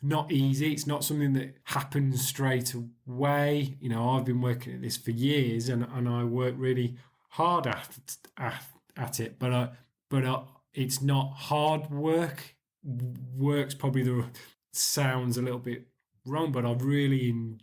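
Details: Stuttering (stammering) in a 40-year-old man, present since about age 4–5. He still has blocks, though fewer and shorter than before the Starfish Project.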